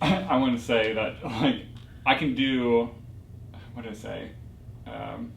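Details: Non-fluent aphasia with word-finding difficulty in a young man, 4 years after a stroke that caused global aphasia, progressing from severe non-fluent aphasia.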